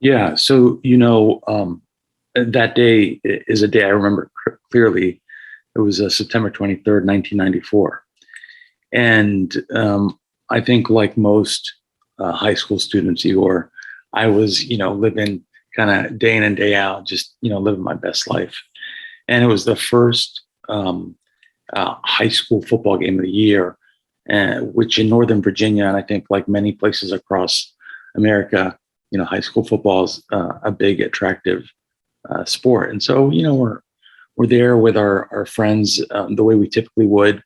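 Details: Vocal cord paralysis with hoarse voice in an adult male trauma surgeon, shot in the throat with a .38 caliber bullet at age 17 in 1994; carotid injury, tracheal rupture, tracheostomy for about 6 months; he states his raspiness is audible.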